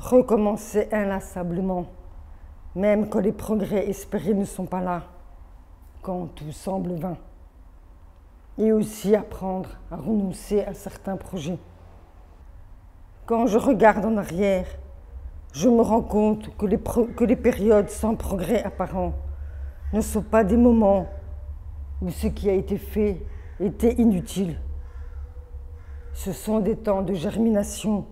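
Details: Adult woman born deaf with over 80% hearing loss from maternal rubella in early pregnancy, speech therapy from age 2 through middle school, phoniatric voice work, hearing aids from age 7, oral upbringing; hears own voice poorly. Speech of congenital deafness.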